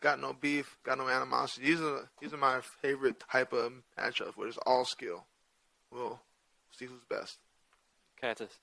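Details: Adult male with stuttering present since childhood, which he says is hereditary (his father also has a speech impediment) and not caused by CTE; he says he largely got over it by around age 27–28.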